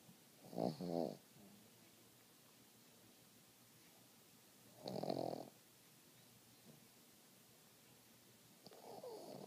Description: Ozzy the pug snoring like a human :)